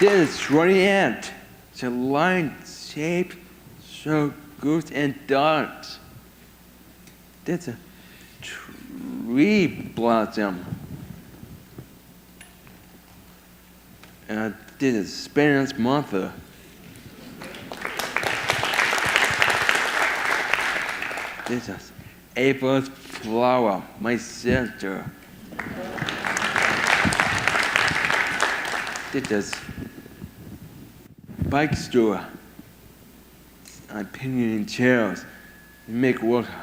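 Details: 22-year-old man with severe autism who lost language at about 15 months, had years of speech therapy and says only a few sentences a day; mother warns most will probably be hard to understand; speech impairment in severe autism.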